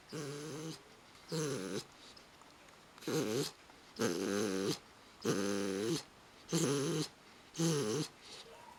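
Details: Pitbull dog sleeping after a bath; loud, rhythmic, rumbling snores with a groaning, voiced quality, roughly seven in nine seconds: heavy snoring.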